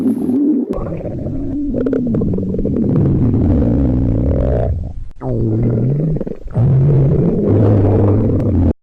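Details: Japanese demonstration of stomach sounds changing as hunger increases, growling getting louder and longer: loud, long, low gurgling rumbles, ordinary hunger growling (borborygmi).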